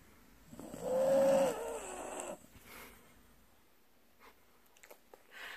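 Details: Subject snoring: one brief nasal, whistling snore followed by quiet breathing and small rustles; light snoring.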